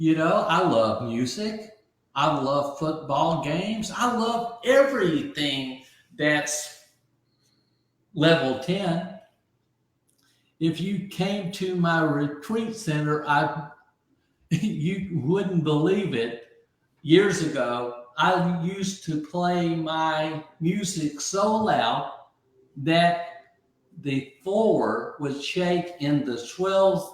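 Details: Aphasia in a man after a stroke at age 62, about 15 months earlier; he initially could not read, write or talk and relearned language from scratch.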